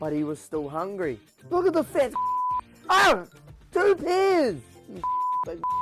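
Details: Vocal tics with interjections in a man who reports having Tourette syndrome.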